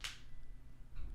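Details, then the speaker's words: Knee crepitus in an adult man whose knees crunch after hardcore training and martial arts as a child: a sharp crack from a bending knee, then a fainter second pop. "you know it kind of led to me getting older and having crunching knees"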